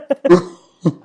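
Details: Adult coughing amid laughter during a casual filmed meal: two or three short, throaty cough bursts separated by brief pauses in a small room.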